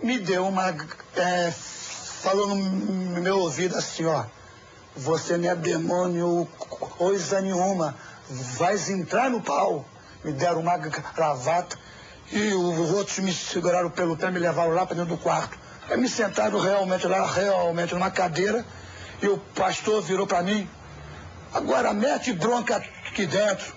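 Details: Adult man who sought a cure for his stutter at a church and still stutters; stuttering.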